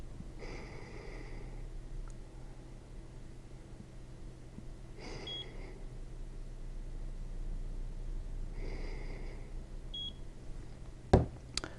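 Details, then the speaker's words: A person demonstrates a Vetronic Impact III capnography monitor by breathing into its airway connector: three slow, breathy puffs in and out about 4 seconds apart, with a monitor beep. "just blowing in and out of this connector we'll show the waveform on the"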